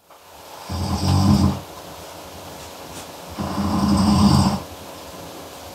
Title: Man Snoring In Other Room [Sound Effect]